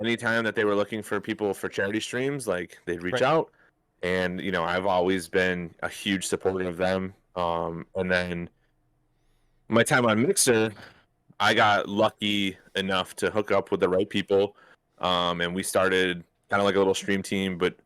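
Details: Adult man speaking; Normal speech.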